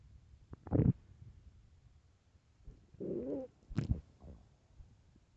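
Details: Several extremely loud gurgling and rumbling bursts from the belly: ordinary stomach growling on an empty stomach, borborygmi.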